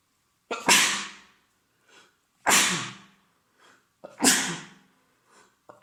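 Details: Man with a common cold (day three, congested, runny nose, sore throat): three forceful sneezes about two seconds apart, each with a short intake before and a faint sniff after.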